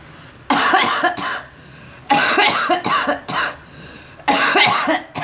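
Three bouts of repeated harsh coughing, several coughs in each, separated by short pauses, with faint room noise.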